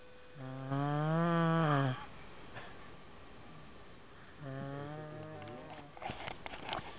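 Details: Snoring: two loud, tonal, droning snores a few seconds apart with quiet breathing between, and a brief rustling noise at the end.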